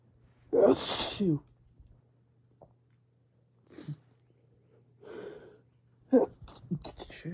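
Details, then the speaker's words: Person with flared-up seasonal spring pollen allergy, reading aloud by an open window and trying to hold sneezes back, lets out a loud explosive sneeze mid-speech, then quiet breaths and speech resumes; allergic sneezing. "I'm trying to hold these back. It's so hard when I'm trying to talk."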